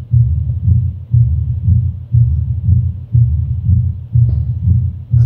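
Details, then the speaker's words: Pure mitral stenosis, stethoscope at the mitral area: regular heartbeat near 60/min with loud first sound, opening snap after the second sound, and low-pitched rough rumbling mid-to-late diastolic murmur louder late in diastole (presystolic accentuation). "Now again I go to the mital area. Okay. Now you listen. So you see you can listen the miter stenosis murmur here"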